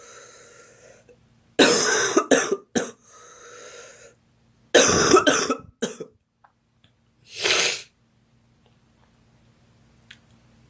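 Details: Girl coughing, possibly after smoking homegrown tobacco, saying it hurts and that she has something in there: two harsh bursts of three or four coughs, then a single breathy cough in a quiet room; repeated cough.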